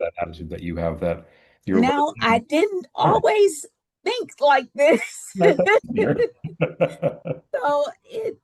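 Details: Adult female speaker(s), possibly more than one; ordinary speech.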